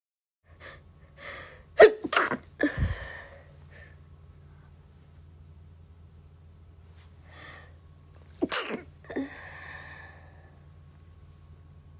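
Sharp bursts of air with an in-breath before each, about three sneezes, over a steady low hum; sneezing.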